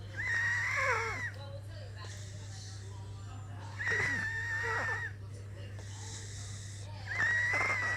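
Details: Sleeping girl snoring: high, whistling sleep breaths about every three seconds over a steady low hum, a snoring sound with a wheezy, tonal quality.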